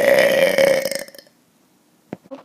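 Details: A single loud, drawn-out burp about one second long, then a brief breath and quiet; deliberate burp (eructation).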